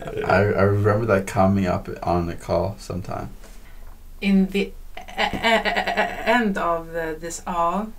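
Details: Adult male speaker; typical speech.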